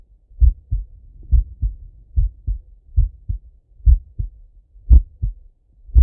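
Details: Male heartbeat on auscultation: slow, steady paired lub-dub beats, roughly 55–60 a minute. Normal heart sounds.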